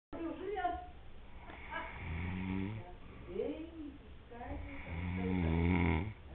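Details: Uncle sleeping at the beach in Canoas, PR, with low, rough rattling breath sounds repeating with each breath: snoring.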